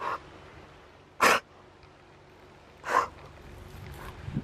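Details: A dog with kennel cough (infectious tracheobronchitis), first thought to have a cold with a runny nose, gives a few short, sharp sneezing or snorting bursts: respiratory signs.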